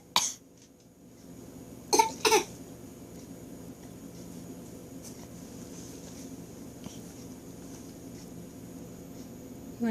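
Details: Young child, praised as mama's big boy, gives three short, forced coughs: a fake, voluntary cough rather than an illness cough.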